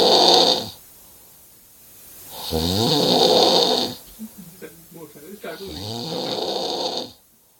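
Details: Real snoring recorded in London: three loud, rough, rattling snores on inhaling, each separated by a quiet pause, with a few soft clicks between breaths.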